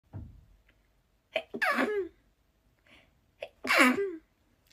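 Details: A woman's sneezes from a sneeze compilation: two voiced sneezes, each preceded by a quick inward breath, in a quiet room.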